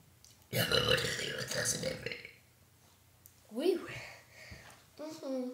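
A loud, prolonged rumbling burp lasting about two seconds, deliberately produced, followed by brief speech.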